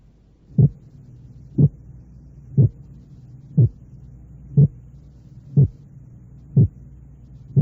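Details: Simulated heart sounds at 60 a minute in a teaching demonstration of splitting: each beat's sound splits into two parts only 0.04 s apart, barely separable by ear.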